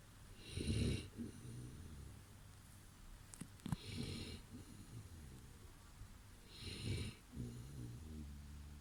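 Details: Sleeping Boerboel dog snoring: loud, rumbling breaths about every six seconds with softer fluttering sounds between them.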